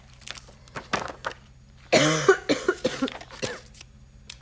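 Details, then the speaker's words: Several harsh, loud coughs with throat clearing in a quiet room from someone who says they are still coughing a little and their voice is still hoarse, then apologizes for the coughing. "je m'excuse. Pas très agréable de m'entendre tousser."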